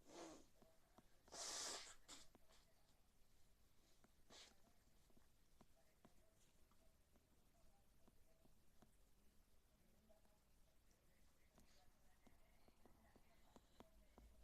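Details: One loud, sharp burst of air with a hissing release, then quiet room noise and faint clicks. A single sneeze.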